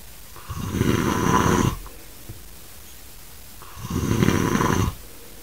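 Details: Adult man snoring very loudly while asleep, with grunting: two long, loud, rough rattling snores, slow and deep, separated by quiet pauses; heavy snoring.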